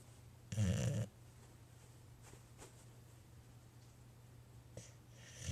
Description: Hank, our boxer has a hilarious snore. This usually happens right before he starts to bark, so I think it's the bark air starting to escape?